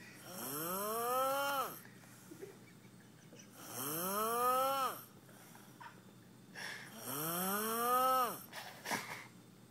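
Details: A person sleeping with three long, tonal, rising-and-falling snores at about 18 breaths a minute, with quiet gaps between them: snoring.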